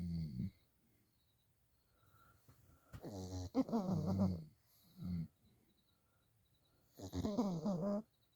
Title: Snoring and dreaming away #puglife